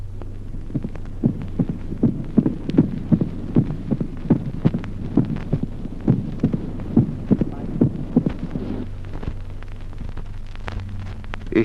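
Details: Mitral opening snap, short interval.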